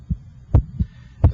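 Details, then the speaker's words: Normal first and second heart sounds heard with an electronic stethoscope at the apex (PMI) and timed with the radial pulse: clear lub-dub, with the first sound louder than the second. "I'm just interested in listening to the first and second heart sounds"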